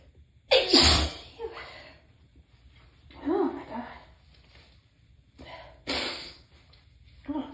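Two loud, explosive sneezes with a quieter breath or sound between them, near the end of a sneezing fit.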